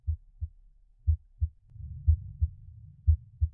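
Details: iPax auscultation simulator sample case, normal heart sounds with normal vesicular breath sounds heard at the cardiac apex via on-screen chest piece; simulated heart sounds about 60 a minute, soft low vesicular breathing underneath, heart sounds attenuate away from point of maximal intensity.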